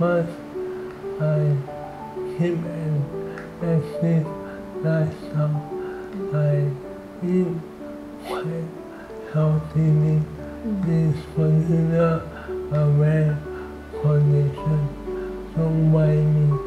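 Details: 38-year-old man diagnosed with amyotrophic lateral sclerosis, a progressive motor neuron disease; dysarthria (ALS).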